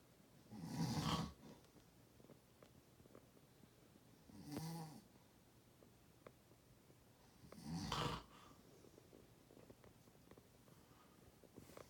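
Three loud, rough snores on the in-breath, roughly every 3.5 seconds, in a quiet room: snoring.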